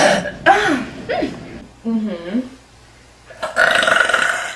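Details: Several loud, voiced belches in a row with short pauses between them, in a small room; a compilation of big burps.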